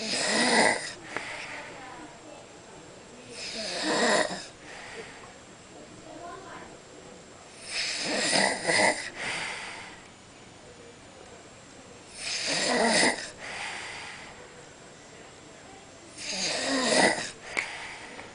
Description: Me snoring after a family reunion lunch haha.